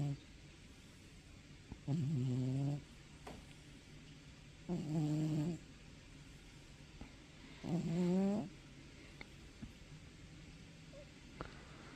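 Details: Three loud, buzzing, voiced snores about three seconds apart, roughly 21 breaths a minute, over faint room noise; snoring.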